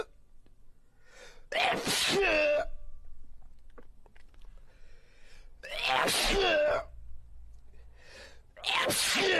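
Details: Sneezing in a man who can't stop sneezing: three loud, explosive sneezes in quick succession, each led by a sharp in-breath.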